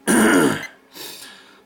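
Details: Adult with an upper respiratory complaint: a single forceful, gravelly throat clear lasting about half a second, followed by a softer breathy exhale.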